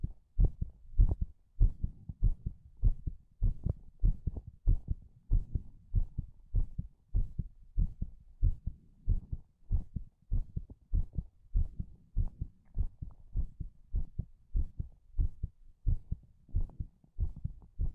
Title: ASMR HEARTBEAT